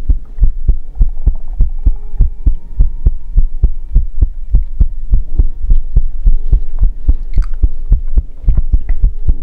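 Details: ASMR heartbeat recording: strong, steady low thumps at about 100 a minute over a faint hum; regular heartbeat.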